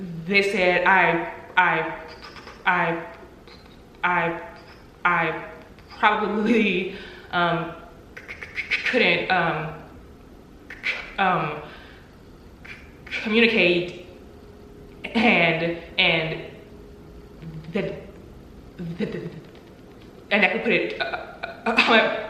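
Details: Adult woman who stutters, with audible word repetitions; she reports three years of job interviews without an offer due to her stuttering; stuttering.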